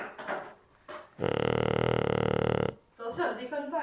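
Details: Small female dog snoring while asleep with her head resting in the owner's hand: a steady, rattling snore of about one and a half seconds, with brief French talk before and after.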